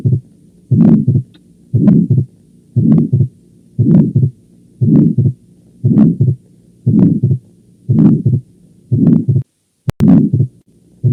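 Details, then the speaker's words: Late systolic murmur of mitral valve prolapse: turbulent systolic murmur whose maximum intensity comes late in systole rather than mid-systole. "vean ustedes cómo aquí la máxima intensidad lo hace en forma tardía no es exactamente en la mesa sístole"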